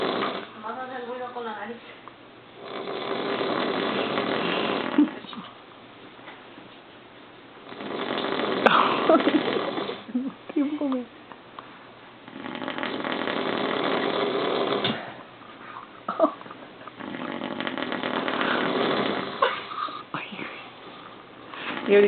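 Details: Loud, rasping snoring repeating about every five seconds in a room, with brief voices and laughter between the snores.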